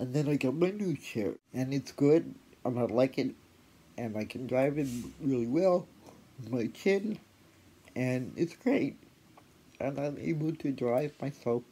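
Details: Adult woman with cerebral palsy plus a later spinal cord injury in 2009; she notes a voice assistant sometimes fails to understand her speech; dysarthria (cerebral palsy).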